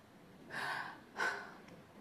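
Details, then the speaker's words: Two short, sharp gasping breaths in a quiet room, presented as the recovery gasp after breathing stops during sleep, in a piece on snoring and sleep apnea. "imagínate esto mientras duermes tu respiración se detiene por algunos"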